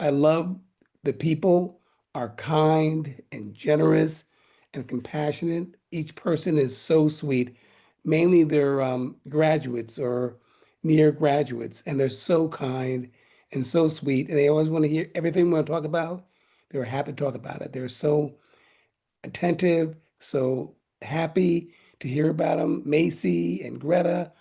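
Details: Mild aphasia following a stroke in 2016, in a man attending aphasia camp.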